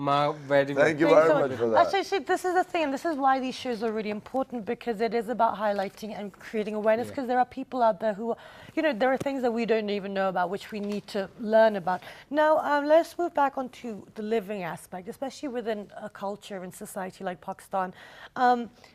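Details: Adult female; normal speech.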